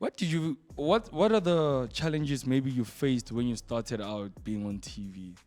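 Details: Adult speaker in an interview; ordinary conversational speech.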